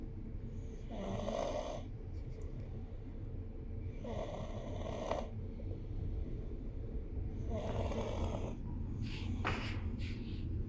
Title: It's Raining, It's Pouring, the Babies are Snoring